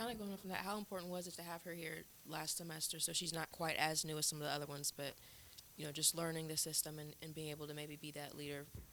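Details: Adult speaker; typical speech.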